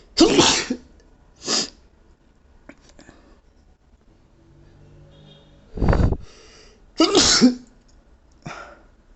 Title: Powerful allergy sneeze fit